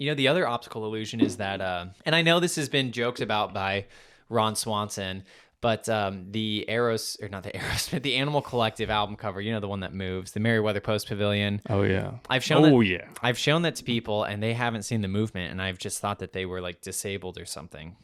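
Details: Adult man, conversational speech; normal speech.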